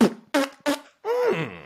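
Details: Man with Tourette syndrome and ADHD, speaking: two abrupt voiced bursts, then a drawn-out gliding vocal sound interrupting his speech; vocal tic.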